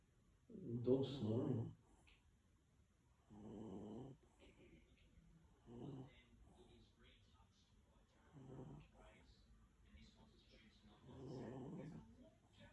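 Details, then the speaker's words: A sleeping dog gives soft, low, rumbling, irregular snores, about five in twelve seconds, in a quiet room; ordinary dog snoring. "You guys snoring. Hmm? Dog snoring."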